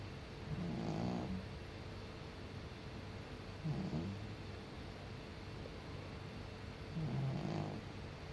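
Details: Senior cat snoring; snoring.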